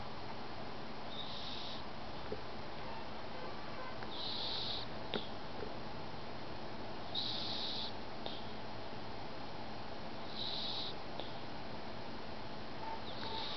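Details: Nearly 16-year-old cat sleeping and twitching, snoring with faint high whistling snores about every three seconds, roughly 20 breaths a minute, over steady room hiss.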